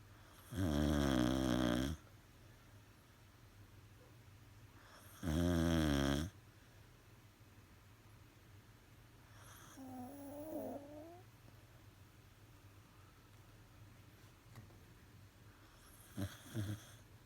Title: My dog Lady sleeping! 😴😴 (She snores)